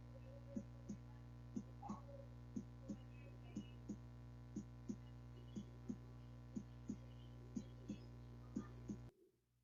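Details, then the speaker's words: Heart sound recording played during a nursing class on patient admission and stethoscope examination: regular soft thuds at about 60 beats a minute over a steady hum; rhythmic normal heart sounds. "ahora si escucharon un poquito del latido del corazón suena pues no lo dude pero es algo rítmico"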